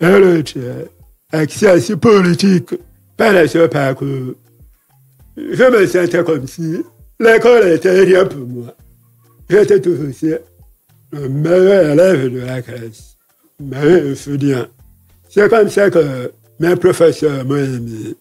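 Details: Deaf man who lip-reads, with hearing loss from a childhood illness, who says his voice is not normal because of it; speaking French; deaf speech.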